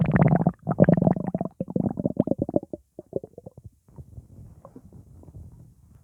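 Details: Upset stomach rumbling after eating pizza, with gassiness: loud bubbling, gurgling rumbles from the belly in quick irregular runs that fade toward the end; active bowel sounds (borborygmi).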